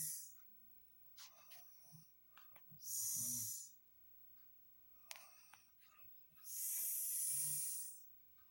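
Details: Irregular breathing during sleep with loud hissing, whistling snores and snorts between quieter breaths, described as a very unusual snoring sound; snoring.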